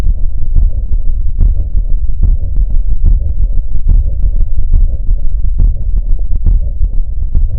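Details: Regular heartbeat near 72 per minute with a soft, low, rumbling diastolic murmur between beats, always a sign of cardiac pathology.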